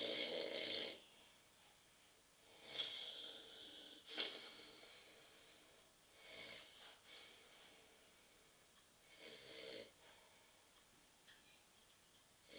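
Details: Adult husband asleep on a sofa at 9.30 p.m. after too many beers: repeated rough, rattling breathing sounds about every three seconds during sleep; typical snoring.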